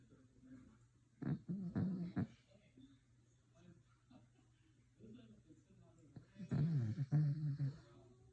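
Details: Dog snoring.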